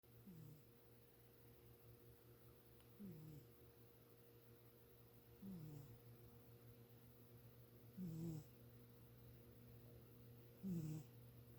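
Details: Sleeper gives soft, low, regular snores at about 12 a minute over a steady background hum; ordinary snoring.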